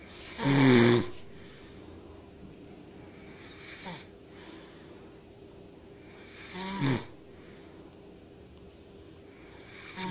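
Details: Sleeping infant and her father snoring together: two loud snorting snores about six seconds apart, with softer breathing between, over a steady room hum.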